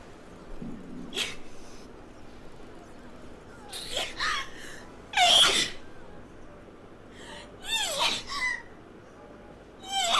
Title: girls sneezing rapidly. #13.|| rapid sneeze.